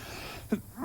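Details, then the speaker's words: One short, abrupt cough from an unwell adult man who says he is coughing up a lung, over steady low background noise. "As [clears throat] you can hear, I'm coughing up a lung."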